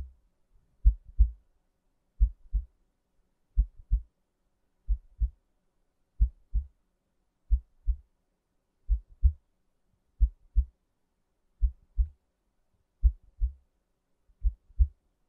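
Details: Slow, steady lub-dub heartbeat at about 44 beats a minute in a quiet background, recorded as relaxing ASMR sleep sounds; a normal heartbeat.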